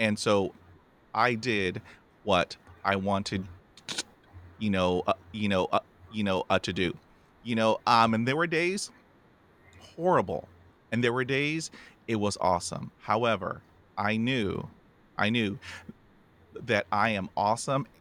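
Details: Adult male former Welsh rugby player with a lifelong, debilitating stammer since about age 5-6, with blocks and more speaking difficulty under pressure; real, not acted; stuttering (stammering).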